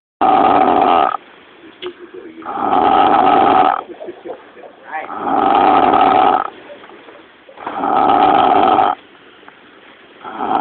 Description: Drunken eskimo snores loud. Nice close up.